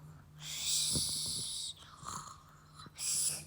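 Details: A child playfully imitates dad's snoring with two hissing, snorting breath sounds separated by a brief pause.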